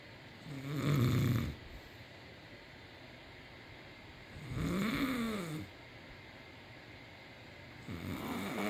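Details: Person snoring: loud, rough, rattling snores with each breath, about 16 a minute. Ordinary snoring.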